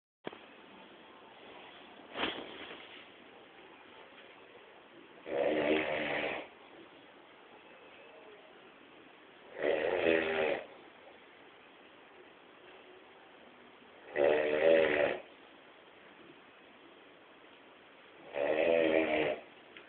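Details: Snoring in a man during sleep: four rattling snores, roughly 14 a minute, each about a second long, separated by quiet breathing, with steady low room hiss.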